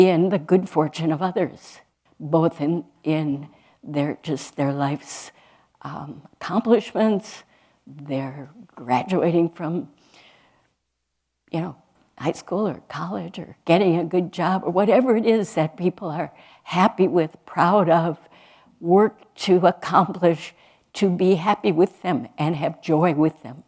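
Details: Adult woman speaking; ordinary speech.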